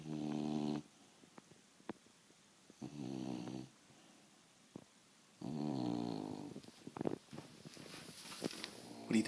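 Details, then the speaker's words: Betty the beagle snoring while asleep at night, loud enough to keep a cat awake: repeated throaty, buzzing snores with pauses between and some room noise. "Sasha the cat would like to complain about Betty snoring."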